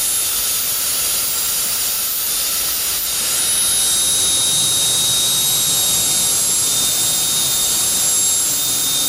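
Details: Loud, continuous high-pitched whine with hiss: a high-speed dental handpiece with a diamond bur preparing the lingual surface to a finishing line at the gingival crevice for a 3-unit anterior bridge.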